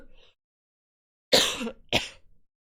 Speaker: I wish I could stop coughing.